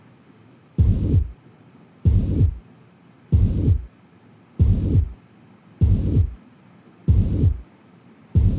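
Slow, regular low-pitched heartbeats, about 47 a minute, each drawn out into a rough whooshing sound that fills much of the beat: a heart murmur.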